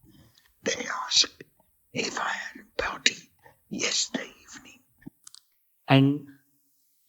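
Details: Aphonic whispered speech from a male patient after loss of his vocal cords; he says people do not understand him on phone calls.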